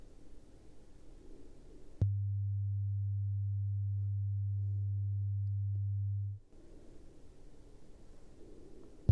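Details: Steady low pure tone lasting about four seconds against quiet room noise; audiometry beep from headphones in a simulated hearing test during an acted ASMR ear exam.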